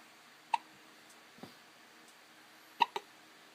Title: Hiccups. 2014 08 25 00 51 28